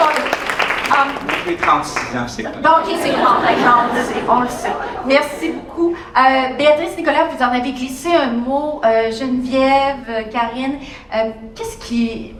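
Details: Adult woman speaking French; normal speech.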